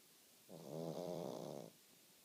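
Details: Sleeping pug: a single low, rattling snore lasting about a second on the in-breath; snoring in a short-nosed dog.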